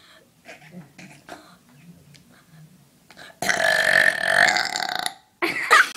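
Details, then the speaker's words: Girl burping on command: quiet talk, then a long, loud, rumbling burp lasting about two seconds, followed by a second shorter burp; voluntary burping. "ew she F watch this girl can burp on command okay do it again do another one I'm going to do it again this girl is awesome"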